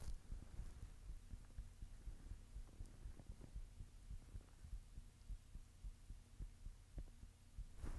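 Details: Normal heartbeat.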